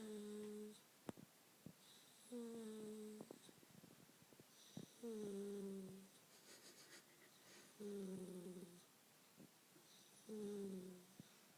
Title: Lazy snoring lab pup